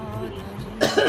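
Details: Two short, harsh cough bursts from an adult, heard over steady background music.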